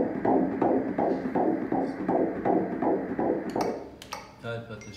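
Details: Fast, regular fetal heartbeat, about 160 a minute, with a soft whooshing quality on prenatal ultrasound, while the mother is asked to cough; the doctor calls it regular and rhythmic; room noise at the end.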